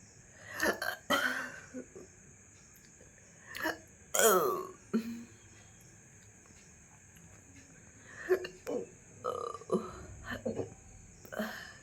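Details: Belching after eating a large luchi (fried bread), with gurgling felt from stomach to throat: repeated loud gurgling burps with quiet gaps and a few soft vocal sounds between.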